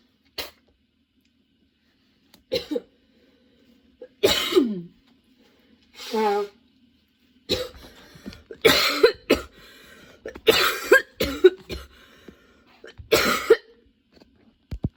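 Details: Sudden-onset, unexpectedly long nonstop coughing fit that kept worsening, bringing tears and constant position changes: repeated harsh coughs, some strained with throat clearing, close together over about fifteen seconds; prolonged coughing fit.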